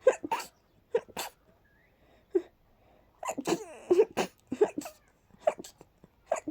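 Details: Sneezing after about 20 minutes of cleaning and dusting: a run of short, airy, breathy sneezes with pauses between them.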